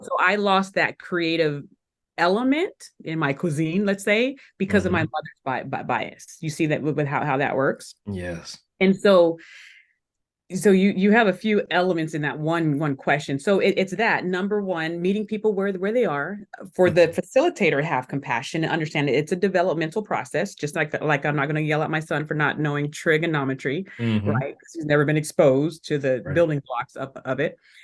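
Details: Adult woman who still stutters today, speaking in a podcast interview: stuttering.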